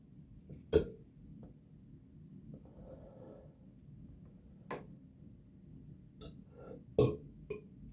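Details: Person after finishing a soda: several short, loud burps in a quiet room with softer throaty sounds in between; burping.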